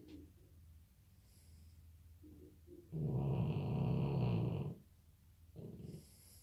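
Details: Sleeping dog snoring: soft breaths, then one long, loud, rumbling snore on the in-breath, then a shorter one.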